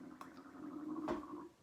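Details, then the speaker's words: A low, wavering gurgle with bubbly pops lasts about a second and a half, identified as the speaker's own stomach growling (borborygmi). "don't know if you can hear that but that was my stomach growling"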